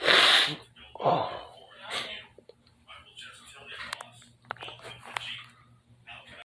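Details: One loud explosive sneeze, then a softer second sneeze, followed by quiet rustling and low voice sounds in a small bedroom; sneezing.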